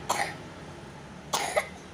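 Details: Young child who is finishing kindergarten gives two short, sharp coughs about a second apart, deliberately acted as a pretend cough to show a fake versus a real cough; simulated cough.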